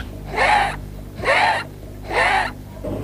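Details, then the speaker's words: Wheeze in a child with acute respiratory infection: soft musical whistling noise heard on breathing out, three quick noisy breaths; child with wheeze takes longer, more effortful expiration. "Wheeze is a soft musical noise produced when the child breathes"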